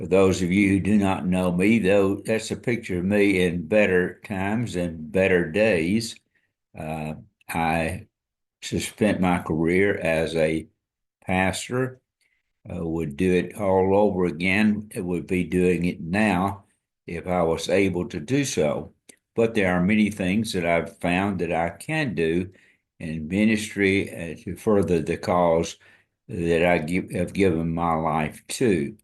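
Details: Dysarthria in an adult man with ALS diagnosed February 2024, after earlier diagnoses of Parkinsonism, Parkinson's disease, spastic paraplegia and primary lateral sclerosis; his speech and walking are failing, and hand use is limited.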